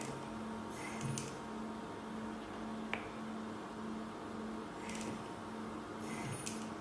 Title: icu ventilator